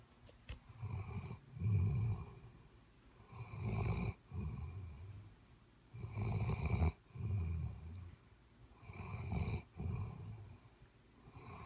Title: snoring hard